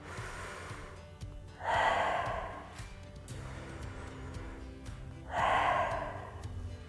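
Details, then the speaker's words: Diaphragmatic (belly) breathing: two slow, audible breaths with quiet gaps, demonstrating breathing in while pushing the tummy out and relaxing the upper chest, an exercise for productive cough. "so I'm going to show you now how to breathe through your belly so you breathe through your when you breathe in you push your tummy out"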